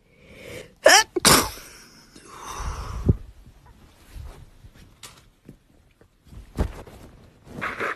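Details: Girl: inhaled build-up, then two sharp explosive sneezes close together, followed by softer breathing and faint noises; sneeze.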